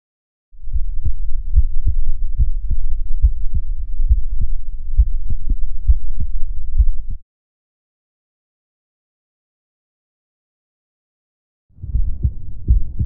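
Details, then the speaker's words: Normal adult heart sounds recorded by the person himself through a DIY electronic stethoscope (stethoscope head connected to a microphone): steady, regular, low lub-dub beats with a pause, then resumption. "our electronic stethoscope is now ready for recording my heart beats"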